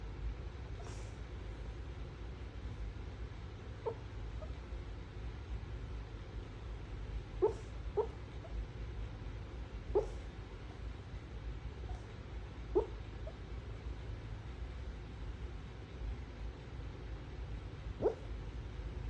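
Sleeping dog giving about seven brief, sharp hiccup sounds at irregular intervals over steady low background hum.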